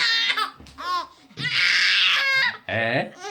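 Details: Bursts of high, wailing crying from a baby in a small room: an infant cry.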